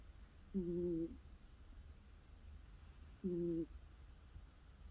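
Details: Two soft, humming, tonal snores about 2.7 seconds apart over quiet room noise from a cat curled up sleeping with whiskers twitching: snoring.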